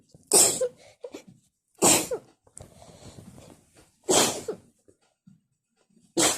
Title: Wet and messy sneeze attack (can someone tell me how many times I sneeze?)